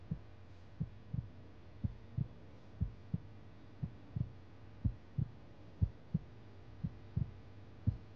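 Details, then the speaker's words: TV drama scene: soft rhythmic whooshing thumps on Doppler ultrasound of an eight-week embryo's primitive heart tube pulsation, the early fetal heartbeat, heard before a planned abortion. "这是什么声音啊？这是原始心管搏动，就是孩子的心跳"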